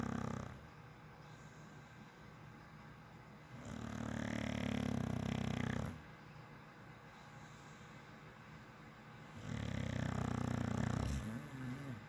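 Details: A red nose pitbull snoring, with two loud, low, rumbling snores on inspiration about six seconds apart, roughly ten breaths a minute, and quiet breathing out between them.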